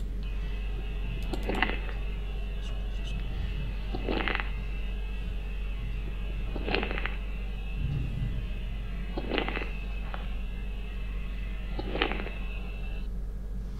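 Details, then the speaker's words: Repeated bursts of fine crackling clicks with each breath, about 23 a minute, played as a lung auscultation example: crackles (rales). "okay now what now crackles please be careful crackles once again"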